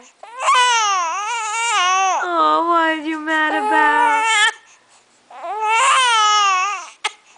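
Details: 7-week-old baby boy with hiccups: loud, high-pitched crying in long wails with short breaths between, before being fed milk; ordinary infant cry.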